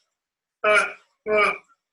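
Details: Man who had a stroke at age 30, about two years post stroke, with rigid, tight speech musculature, reading the Rainbow Passage; spastic dysarthria.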